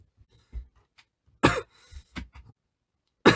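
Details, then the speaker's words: Young adult man with a lingering cough after a cold that has otherwise cleared, runny nose earlier: two sharp, harsh coughs with softer throat sounds between, quiet room. "콧물도 났고 뭐 전체적인 감기는 다 나았는데 이 기침이 안 났는다?"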